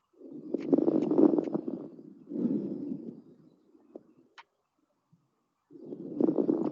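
Breath sounds through a stethoscope with brief, fine crackling pops in each breath, separated by a quiet pause: fine crackles.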